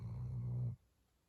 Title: Snoring in the new year! Happy New Year 2023!